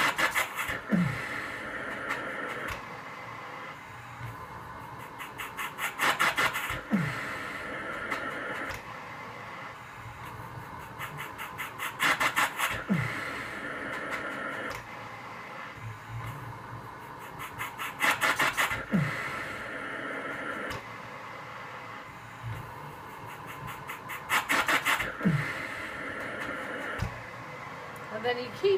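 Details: Mechanical cough assist (insufflation-exsufflation) machine with mask pressed to patient's face, cycling about ten times a minute, with repeated push-in and sharp pull-out airflow.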